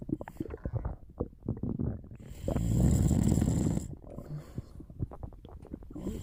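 Low, rattling snore with fluttering throat vibration during a long breath, among quieter snorting breaths while asleep.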